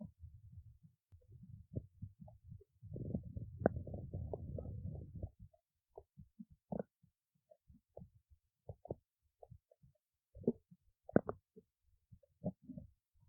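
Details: Stomach growling in someone awake since 1:25 am; low gurgling rumbles, one long churning stretch then scattered short gurgles and pops, ordinary borborygmi.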